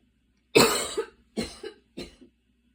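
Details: Evening asthma cough after walking and running outside in the rain, with breathing that became quite intense; an inhaler is used during the recording.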